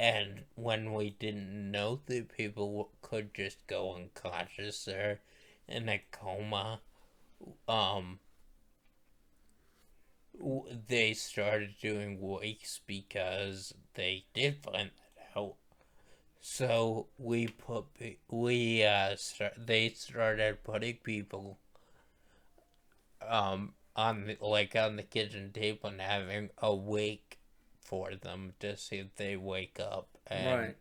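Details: Post-stroke speech impairment in a male stroke survivor, who attributes his voice to his stroke.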